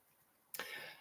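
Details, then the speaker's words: A single harsh, fairly wet, grotty cough after quiet room tone from an adult still recovering from a mild chest infection, coughing every so often to clear the chest. "every so often I have to clear the chest out by having a a bit of a bit of a grotty cough so um I'm a lot better than what I was"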